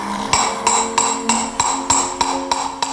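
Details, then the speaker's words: Surgical hammering during total hip replacement in a 42-year-old man with congenital hip dysplasia, while fitting the acetabular cup: sharp ringing metallic blows at a steady pace, about three a second. "Ja, wir sind schon körperlich richtig im Einsatz mit Hammer, Säge, Meißel Und da braucht man auch zum Teil Kraft, um den Knochen zu bearbeiten."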